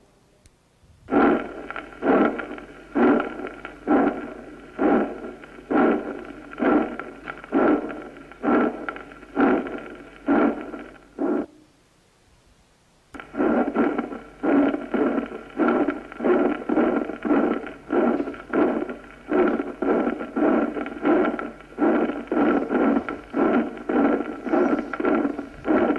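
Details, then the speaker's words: Two heart recordings at about 65 beats a minute, murmur through both systole and diastole with the second heart sound preserved, not obliterated: a double systolic-diastolic murmur rather than a continuous one. "El soplo se llama continuo cuando se continúa sin interrupción en ambos silencios, englobando el segundo ruido, es decir, borrándolo. Si no engloba el segundo ruido, se llama soplo doble."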